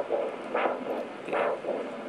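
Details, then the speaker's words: Handheld vascular Doppler (L150R) during ankle-brachial index measurement, probe at the left brachial artery with cuff in place: rhythmic whooshing swells with each pulse over steady hiss; normal pulsatile arterial flow signal. "see the cuff position you can good sign good passer tale material flow"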